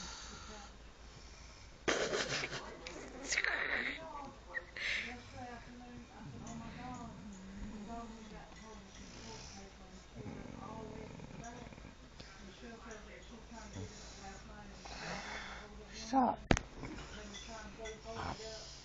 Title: My Mom Snoring